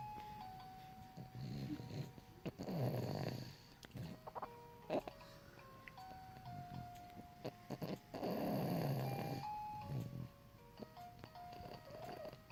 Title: Goober Snores